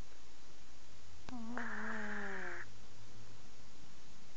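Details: Sleeping cat snoring with one drawn-out, tonal, rasping breath like Darth Vader, sliding slightly lower in pitch, in a quiet room.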